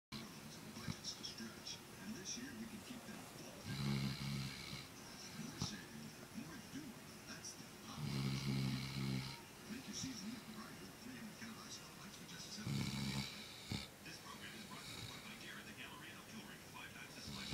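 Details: 8-month-old black Labrador snoring while sleeping: three rumbling snores about every four to five seconds, with people talking in the background.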